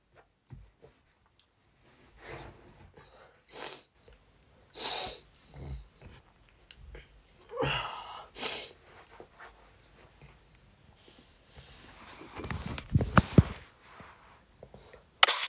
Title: Sneezing twice